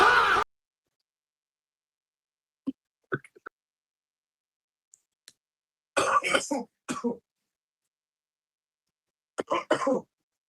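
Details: Cough: after a loud burst during a prank, two brief bouts of harsh coughing and throat clearing separated by silence.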